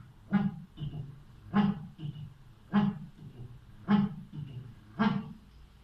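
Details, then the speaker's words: Vocal imitation of a mitral stenosis murmur as heard at the apex with the stethoscope bell: loud snapping beats each followed by a low rumbling sound, about 52 per minute. "اول حاجه تحط الكون وتدور على مايترال ستينوزس، ودايما تتابع مع البلس ويف سواء مع الكاروتيد او مع الايبكس. المايترال ستينوزس بتسمع كده،"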